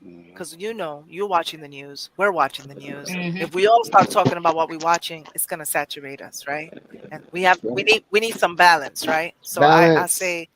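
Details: Adult speaker; normal speech.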